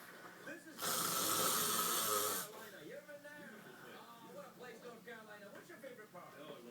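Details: One loud, harsh, rasping snore from a sleeping husband (adult man), followed by softer wavering breathing over faint background sound: snoring.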